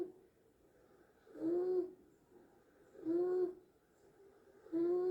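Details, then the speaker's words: Child with croup (laryngotracheobronchitis) and inspiratory dyspnea: harsh high-pitched crowing on each breath in, about 36 a minute; inspiratory stridor. "como pueden oír ahí se oye un estridor con la inspiración, ¿sí? Muy típico del croup."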